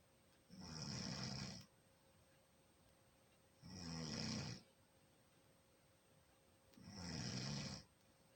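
Three slow, rough snoring breaths with quiet pauses between them, about 19 a minute, over a faint steady room hum.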